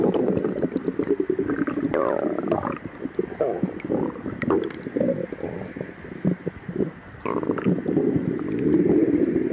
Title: Girl stomach growling for 3 days and her boyfriend put his head on her empty stomach